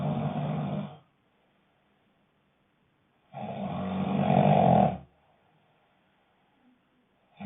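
Rasping snores on breaths in, building in loudness, with silent pauses between, about 3 in 7 seconds: snoring.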